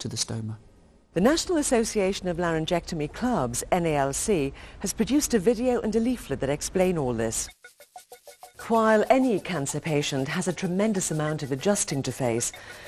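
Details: Adult narrator; typical speech.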